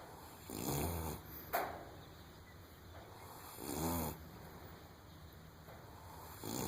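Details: Snoring in a sleeping 3½-week-old foal by an AQHA sire, said to snore like this all the time: slow, regular, fluttering, rasping snores about every three seconds, roughly 20 a minute.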